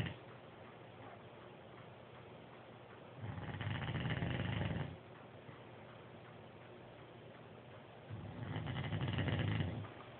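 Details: Regular deep, rumbling snores on each breath, roughly twelve breaths a minute, with quiet exhales between; snoring.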